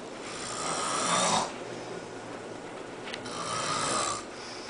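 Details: Woman who claimed she doesn't snore, snoring: two loud, rattling snores on inhalation with quieter breathing between them.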